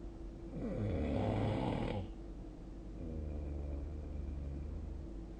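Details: Nightly snoring recording, 2025-02-09: one loud, rough rattling snore, then softer, steadier low buzzing on the next breath, ordinary snoring.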